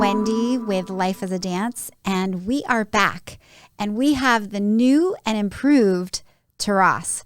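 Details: Adult woman speaking; normal speech.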